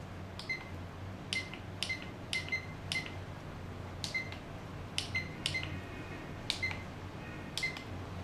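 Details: Short, high-pitched key beeps, about a dozen at irregular intervals over a low room hum, as a Mindray SK-600 II infusion pump keypad is programmed in body weight mode (75 kg, 100 ml volume).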